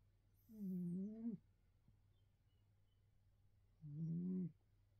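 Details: Sleeping neutered male Bengal cat snoring: two drawn-out, buzzy, slightly tonal snores a few seconds apart over faint room hiss.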